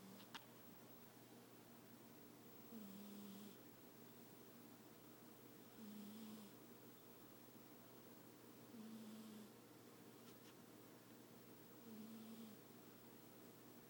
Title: 58 seconds of my cat snoring